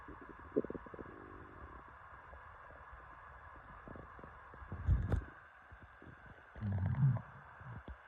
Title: Lots of stomach noises ❤️